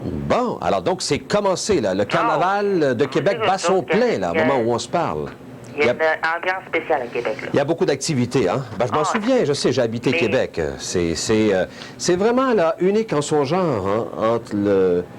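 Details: Adult speaker on broadcast; normal voice.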